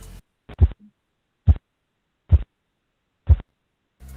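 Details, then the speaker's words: Clear, sharp tapping thumps at about 70 per minute, first-phase Korotkoff sounds heard while taking blood pressure, marking systolic pressure in adults and children. "Este ruido viene a indicarnos la presión arterial sistólica en adultos y niños."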